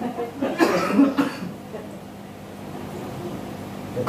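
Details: Patient with complications, a weak body, difficulty walking and shortness of breath with cough, referred with kidney involvement and lung fluid, during nerve-pressure treatment: two short harsh coughs close together, then quiet room noise.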